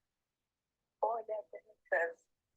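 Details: Adult female with Friedreich ataxia, recording used to score the bulbar speech item of the mFARS scale; ataxic dysarthria.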